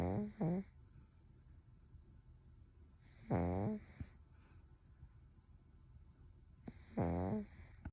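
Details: Toddler aged 1 year 1 month in deep sleep: soft, rhythmic snoring with intermittent quiet pauses between breaths; ordinary snoring.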